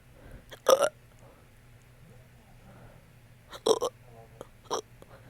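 Sudden sharp, throaty gulps in brief clusters, some with a burp-like rasp, separated by quiet pauses: hiccups mixed with belching.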